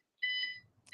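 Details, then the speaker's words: A single clear electronic beep with faint room noise after it, heard during an online call and thought to sound like a medical monitor. "I now I'm hearing an interesting beeping going on. Is that in your site as well?"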